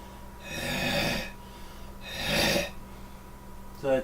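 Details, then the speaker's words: Demonstration of a deliberate deep hacking cough to clear inhaled food, bent over with hands on knees after a very deep breath: two long, forceful, rough coughs; deliberate deep cough. "is going to show you how to do a deep hacking cough so that you clear out your lungs"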